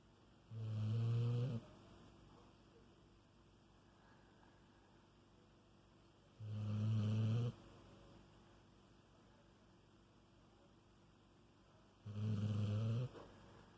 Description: My husky, Rogue, taking a nap...snoring away.